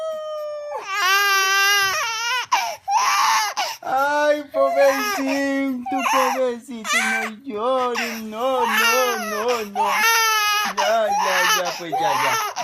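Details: Baby boy crying on hearing a wolf sound: loud, high-pitched wailing bursts with brief catches of breath in a small room; distressed infant cry.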